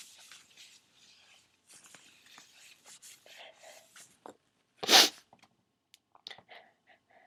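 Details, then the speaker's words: Start of a sneezing fit: soft breathy sounds in a small room, then one sharp, loud sneeze followed by quieter breaths. "Trying to hold it. Trying to hold it in. It's not really working."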